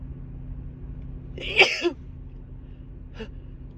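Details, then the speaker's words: Woman with a Christmas cold: one big forceful sneeze with a short gasp before it and a faint small sound afterward, over steady low room noise; she says excuse me. "uh, wow, that was a big one. Excuse me."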